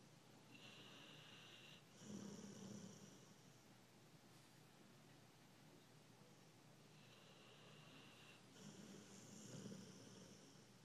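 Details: Sleeping American Bulldog: two slow breath cycles, each with a hissing nasal inhalation and a low rumbling exhalation over room hiss; snoring.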